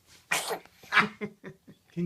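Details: 3-month-old baby, prompted to talk, sneezes instead: two small, sharp bursts of air followed by soft coos.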